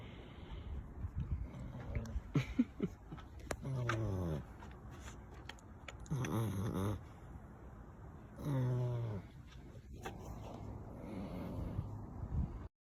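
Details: Sleeping brindle pit bull puppy snoring after exploring: three drawn-out, buzzing snores about every two and a half seconds, with quiet breathing and faint rustling between.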